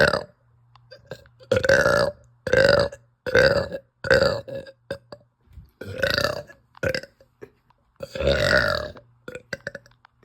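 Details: Woman belching after eating pasta, feeling bloated and gassy, saying "help" and "ow": seven loud, drawn-out belches at irregular intervals within about ten seconds over a low hum; repeated uncontrollable nauseous belching.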